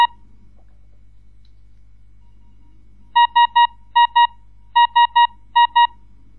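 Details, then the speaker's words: Ventilator alarm from a Breas Vivo ventilator relayed through the central remote monitoring station's speakers (Vivo PC software): groups of short, regular electronic beeps in clusters over a low steady hum. "as you can hear the alarm sound will also be heard via the speakers"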